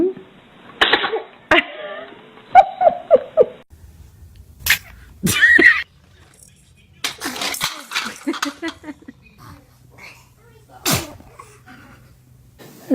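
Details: Small babies sneezing: several short, sharp bursts of air mixed with laughter and soft vocal sounds; infant sneezes.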